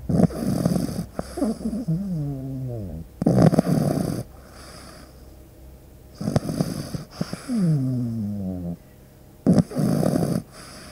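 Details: Pug puppy, a flat-faced breed, sleeping: loud, rattling snores on each breath with whistling, wavering tones as the breath ends; snoring.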